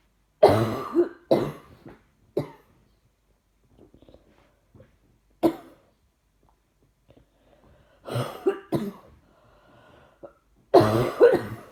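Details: Adult gives repeated harsh coughs in clusters, about a dozen bursts with quiet gaps and faint breathing between; felt wheezing not captured clearly: repeated cough.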